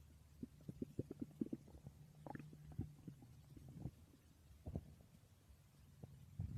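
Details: Woman's stomach growling recorded while she slept: borborygmi (bowel sounds).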